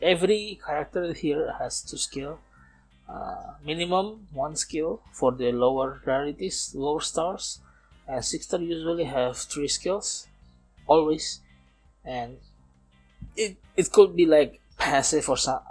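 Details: Man aged nearly 31, a non-native English speaker, who says he still stutters and that it is audible in this recording; stuttering.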